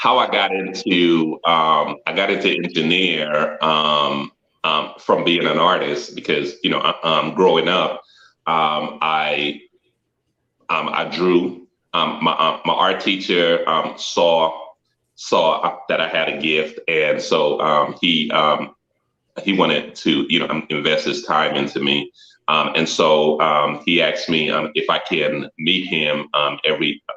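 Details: Adult male with a stutter that was noticed when he introduced himself; he had long avoided public speaking and took it on as a personal challenge to overcome it. Finding: stuttering.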